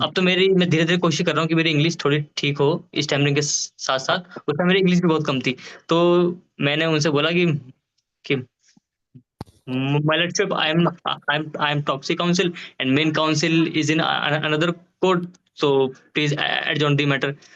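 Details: Adult male Supreme Court of India lawyer who stammers, speaking Hindi, with audible word repetitions; stuttering.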